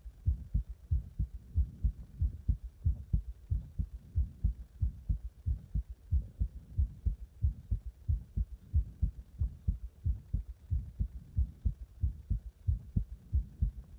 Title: 心臓マッサージと圧迫で、心臓が破れそうな心臓音